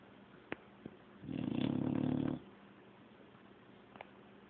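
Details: Dog snoring: one low, buzzing, vibrating snore lasting about a second, with quiet room noise and small clicks around it. The owner calls this mild and says it gets much worse, which is why she isn't allowed in the bedroom at night.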